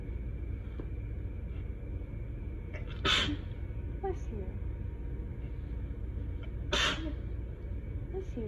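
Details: Two forceful, itchy, wet sneezes several seconds apart over vehicle rumble, in an intense allergic fit after bleach-water exposure and pollen, while drowsy on nighttime medicine, with a partner saying bless you.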